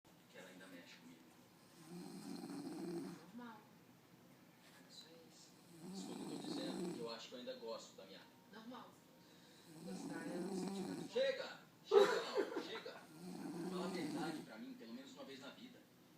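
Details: Sleeper snoring while someone pleads for them to stop: rough, low snores about every four seconds, with a louder snort near the end; ordinary snoring.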